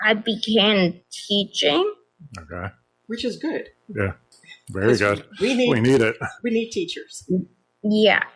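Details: Adults in conversation; normal speech.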